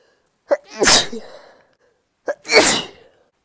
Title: Induced sneezing- some stifled, wet, female